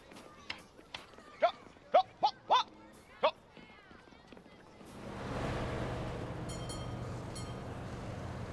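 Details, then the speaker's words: A burst of short, sharp, involuntary-sounding yelps and squeaks, then outdoor noise. These are vocal tics of Tourette syndrome, acted in a drama film. "you make more noise than my air horn sounds like you got a healthy case of Tourette's"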